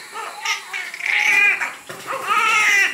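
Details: A baby boy cries in strong, high-pitched bursts just after delivery, following labor induced at 40 weeks, before the cord is cut; a vigorous newborn cry.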